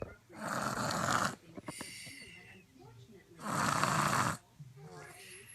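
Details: Snoring in a sleeping 27 lb baby: two long, loud, rough snoring breaths in, each followed by quieter breathing out; heavy snoring in a small child.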